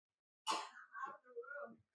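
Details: A single sharp, harsh adult cough in a quiet room, then a brief throaty voiced sound; an ordinary cough from a woman.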